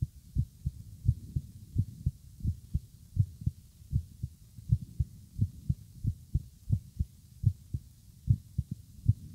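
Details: Steady paired low lub-dub thumps at roughly 85 beats a minute with even rhythm, recorded in the morning; normal heartbeat.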